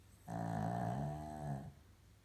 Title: Chloe Maltese/Shi Tzu Snoring Problem